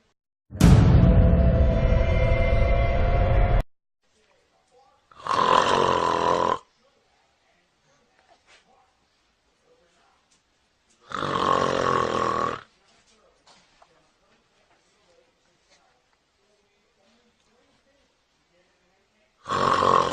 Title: Funny Baby The Reaction Of The Baby On The Fathers Snoring Funny Babies 125 125